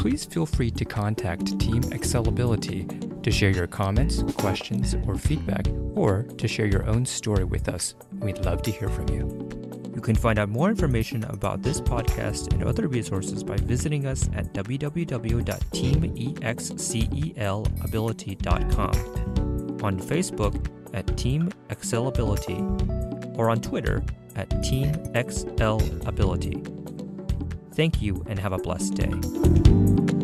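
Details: Adult male speaker; normal speech.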